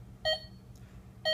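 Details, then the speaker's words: Biolight M8000 patient monitor demonstration: SpO2 finger sensor clipped onto the finger gives two short bright pulse beeps about a second apart, around 60 per minute, with a pulse waveform; pulse oximeter pulse beep. "that's it's pretty self-explanatory onto the finger gonna get me a nice pulse and waveform there and"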